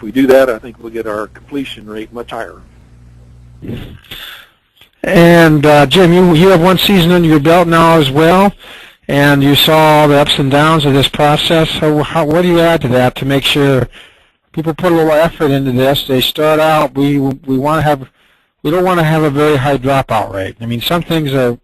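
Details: Adult man speaking; typical voice.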